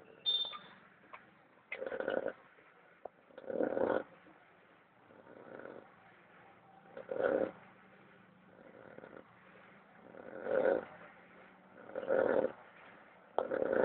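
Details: Rough, rattling snores at an uneven pace, several a minute, with quiet breaths between: snoring during sleep.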